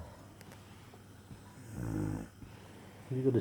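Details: A low rumbling snore on an in-breath, then another beginning, over quiet room noise; ordinary snoring.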